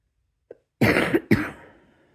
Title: # 150 a short goodnight cough xox